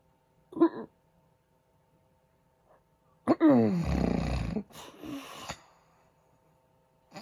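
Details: Husband's heavy snoring recorded during sleep: brief snort, quiet pause, then a loud, long, rattling snore with a rising honk and a spluttering release.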